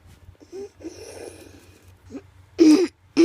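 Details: A child's harsh, barking cough bursts after noisy, strained breathing: croup, an upper-airway infection with swelling around the larynx, trachea and bronchi that obstructs breathing.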